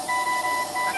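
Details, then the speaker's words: A steady, high-pitched electronic tone with brief breaks over hissing room background: a ventilator alarm. "an alarm now imagine that you are in a place where there are many of these ventilators and what you get is a lot of alarms coming from all over the places"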